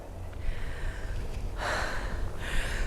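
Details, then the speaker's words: Adult outdoors at dusk reporting feeling wheezy: three noisy, effortful breaths with a faint whistling edge over heavy wind rumble; audible wheezing. "can you hear me wheezing yeah I'm wheezing I'm getting really Wheezy yeah"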